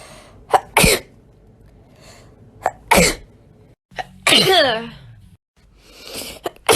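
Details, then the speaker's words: Three forceful sneezes in quick succession, each preceded by a short sharp intake of breath, from a sneezing compilation; sneezing. "Oh my god. So many sneezes. It's constant. Help. I hate it here."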